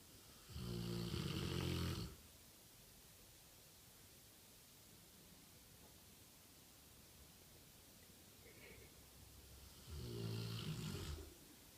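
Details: One-year-old Rottweiler snoring while napping: two deep, rumbling snores about nine seconds apart over steady background hiss.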